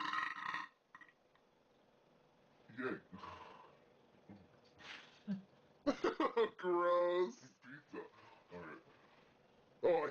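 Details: Adult deliberately burping: several loud, drawn-out croaking belches, one with a long rumbling voiced stretch, amid quiet room noise.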